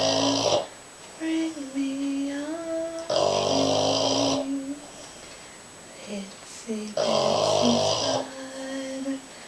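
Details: Sleeping Boston Terrier snoring: snorting breaths with whistling, whining tones and squeaks, returning about every four seconds; noisy snoring.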